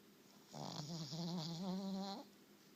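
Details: Pet dog snoring during a nap: a single drawn-out, rumbling, slightly wavering breath sound.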